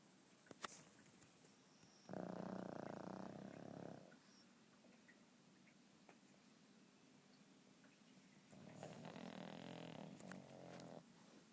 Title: Pugs snoring